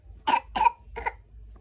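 Three short, abrupt cough bursts in quick succession, the last softer and close to a throat clear, in a quiet room.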